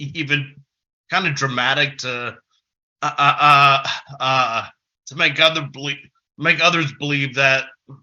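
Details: Adult man who has stuttered since about age six; stuttering.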